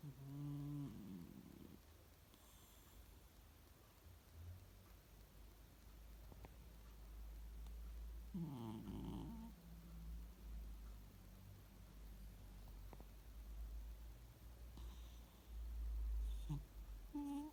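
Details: Sleeping cat snoring: soft, low, rattly snores with each breath.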